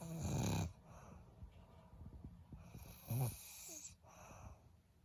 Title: HORRIBLE SNORING!!!